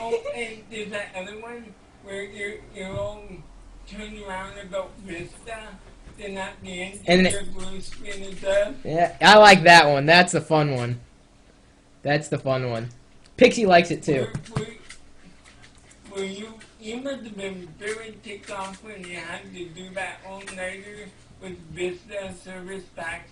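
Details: 32-year-old man with cerebral palsy speaking in conversation; dysarthria due to cerebral palsy.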